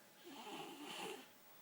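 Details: Female, described as a loud snorer, asleep on the floor: a single soft, rough, rattling breath with a buzzy quality in a quiet room; snoring.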